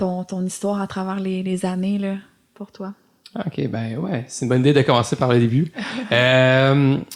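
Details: Adult male lawyer who stutters, speaking French in a real podcast interview; stuttering.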